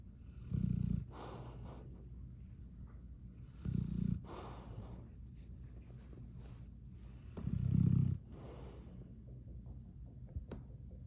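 Loud, low snoring from a dog, with three snores at about 17 breaths a minute and softer breath noise between them.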